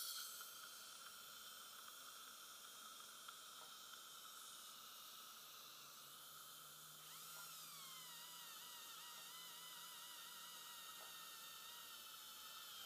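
Steady high-pitched hiss with a thin whine and water spray sound, typical of an ultrasonic scaler during dental cleaning.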